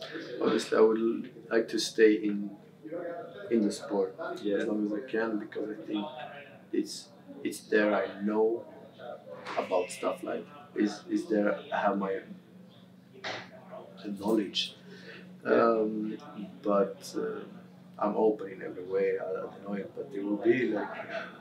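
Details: Adult male footballer who has stammered since about age six; Swedish first language, English second; stammer varies day to day, worse after games and when tired; stuttering.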